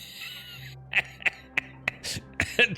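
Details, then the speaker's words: A gamer during a live stream gives about six short, dry coughs and throat clears in quick succession over faint background music; described as a clean, tickly, non-productive cough. "it's still clean and i i still stand what i said a minute ago that sounds like a clean cough dude"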